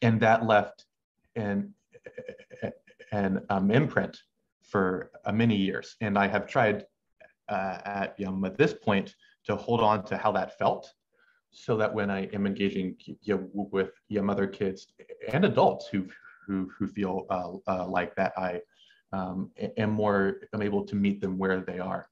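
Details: Adult male medical student who has stuttered since about age six, with pauses in his speech he cannot control; stuttering.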